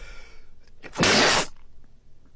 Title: Ranking The Best Sneeze In The World